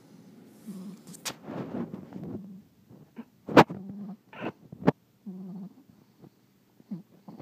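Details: Sleeping French bulldog snoring: irregular low rumbling snores broken by sharp snorts and nasal snuffles; noisy snoring with snorting.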